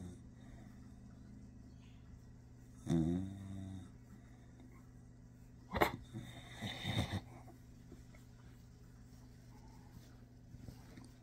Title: That's not me snoring.